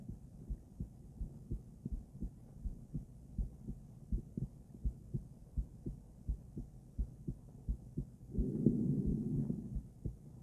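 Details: Female heart auscultated with several different stethoscopes via microphone, moving Erb's point, mitral, tricuspid, aortic, then pulmonic; steady soft lub-dub about 85/min, no added sounds, brief rubbing near end; normal heart sounds.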